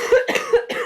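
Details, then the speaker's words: Two or three quick coughs from an adult woman close to the microphone, recovering from a cold/flu; cough. "sorry, I'm going to have to wrap this up soon, because otherwise it's going to become a coughing podcast."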